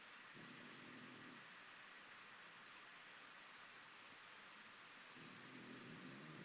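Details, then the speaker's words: Sleeping dog snoring: two low, rumbling snores about five seconds apart over steady background hiss, owner remarks how loud he is. "you're so loud Bud you're super loud do you know that you're super super loud it's ridiculous"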